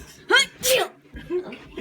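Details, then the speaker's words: A single sneeze, possibly exaggerated, in a sneezing prank: a voiced intake, a sharp explosive burst, then a softer trailing sound. "don't sneeze in my hair"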